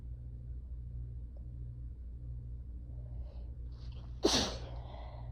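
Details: Tired, stressed, slightly feverish person, possibly getting sick at the start of ragweed season; clip 1 of 4 from one sneezing fit; faint breath in, then one sharp explosive sneeze.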